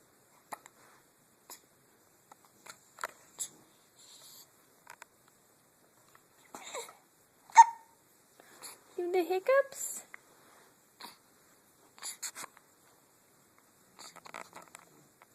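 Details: Newborn about 3 weeks old with hiccups: repeated small, abrupt hiccup sounds spaced irregularly, with soft baby noises and quiet adult voices.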